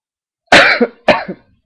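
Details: Two harsh, loud cough bursts in quick succession, each with a brief voiced tail, in a quiet room, from a person at 1:38 am; cough.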